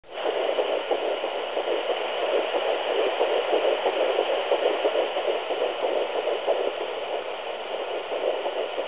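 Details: Fetal heartbeat at 8 weeks 5 days on a Sonoline B 3 MHz fetal Doppler: fast whooshing galloping pulses, roughly 180 a minute, found easily at first, then briefly lost.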